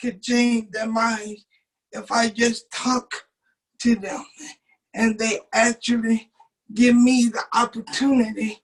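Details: 27-year-old man with cerebral palsy since birth, muscles not working like others', wheelchair user; doctors told his family he would never talk. Speech in cerebral palsy.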